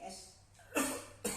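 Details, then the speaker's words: Two rough, noisy cough bursts in quick succession from a person with a cough lasting about three months; chronic cough. "Nah ini batuknya udah kelamaan, Kaset. jadi udah kelamaan."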